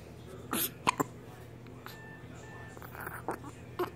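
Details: Ordinary hiccups, said to occur constantly: several abrupt, short hiccup bursts, some in a quick pair, against faint background noise.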